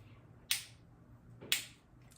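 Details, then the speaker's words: Shockwave C2 intravascular lithotripsy balloon at 4 atmospheres in a wet bench demonstration: two sharp snapping clicks about a second apart cracking calcium after two pulses, felt as slight finger pressure. "And after two pulses, that calcium was cracked. 78 pulses left. My um fingers barely felt anything."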